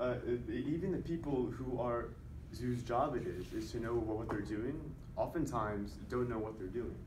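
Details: Voluntary (fake) stuttering deliberately produced throughout a stuttering presentation by a male speaker who stutters, counting his fake stutters with a tally counter to assess his progress.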